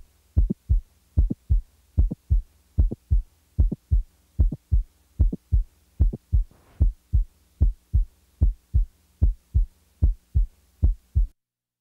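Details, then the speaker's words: Simulated mid-systolic non-ejection click, most often from mitral valve prolapse and best heard at the apex: regular heartbeat near 75 a minute with a sharp click added in mid-systole, then removed. "listen now as a click is introduced during systole and then withdrawn"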